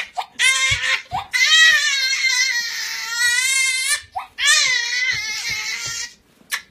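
Loud, high-pitched infant crying in long wailing bursts separated by quick inhaled gasps, in a small room.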